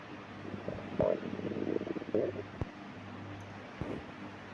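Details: Soft gurgles and squeaky rumbles over steady room hiss at midnight: bowel sounds, borborygmi, of a growling stomach.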